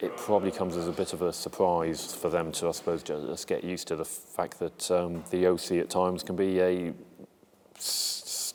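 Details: Adult male military police serviceman who stammers, speaking in an interview; stuttering.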